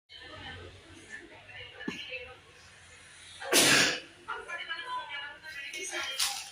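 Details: One loud, sharp, ordinary sneeze amid talk and background music, with a pet dog reacting to the sneeze.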